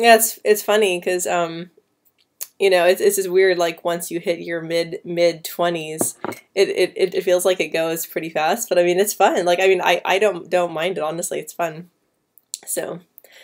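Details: Female speaker who has stuttered since about age 9 or 10, with repetitions and blocks at word starts or mid-word, especially on P, B and C sounds, worse with anxiety; stuttering.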